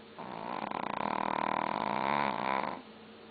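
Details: Snoring in a sleeping long-coat Chihuahua: a single rattling, buzzy snore, steady then fading, with faint room noise and TV behind.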